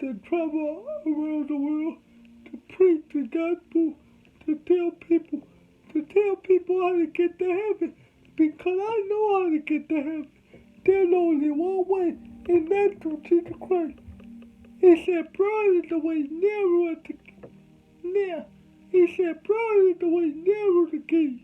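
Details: Adult man with cerebral palsy from birth, whom doctors said would never talk, showing dysarthria in cerebral palsy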